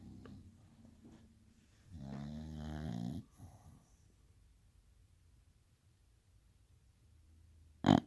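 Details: Sleeping female bulldog snoring: one long, loud, fluttering snore on inhalation lasting over a second, then quiet breathing and a brief sharp noise at the end.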